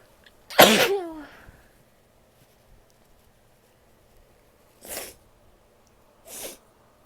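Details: A female: one loud, voiced sneeze, then two short, breathy nose blows or sniffs a few seconds later; sneezing.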